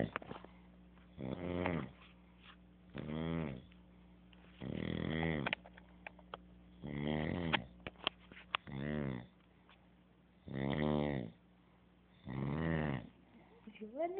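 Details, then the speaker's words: Adult man (the recorder's father) heavy snoring: loud rattling snores on each breath in, about six in fourteen seconds, separated by quiet breathing out. "that is my dad snoring"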